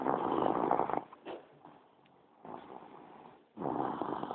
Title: My brother snores like a MONSTER